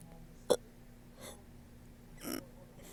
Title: woke up with these lmfaoo #hiccups #funnyshorts #hiccupburps